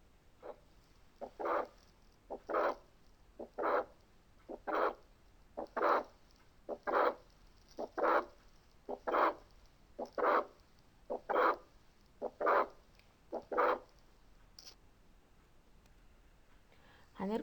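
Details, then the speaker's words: Teaching recording of mitral valve prolapse: regular heartbeat about 55/min with a sharp mid-systolic click, then a late systolic murmur; the click should not be mistaken for the start of diastole. "هنسمع اخر ميرمر في السيستوليك اللي هو الليد سيستوليك ميرمر. لاحظوا ان في كليك قبل الميرمر، فما تلخبطناش ان ده بدايه دايستول، لا دي كليك وصوتها اعلى شويه من الاس"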